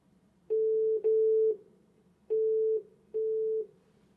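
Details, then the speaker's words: Steady mid-pitched beeps, each about half a second, repeating with short gaps, as the activation tone volume is adjusted with plus and minus buttons on an Olympus ESG-410 electrosurgical generator. Electrosurgical generator activation tones. "by pressing plus or minus buttons you can adjust the volume of activation"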